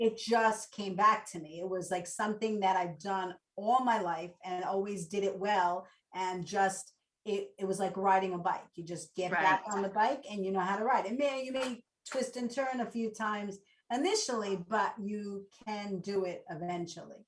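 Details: Adult woman; normal speech.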